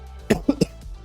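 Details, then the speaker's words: Three quick, dry coughs in a short burst from an adult streamer with a sore throat, stuffy nose and cough, over steady game music: cough. "I hope my microphone somehow is like blocking the sound of me coughing."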